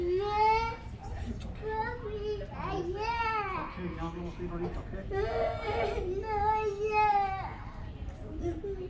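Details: A sick young child kept at home to be comforted: crying and wailing in rising, strained bursts in a small room; distressed crying.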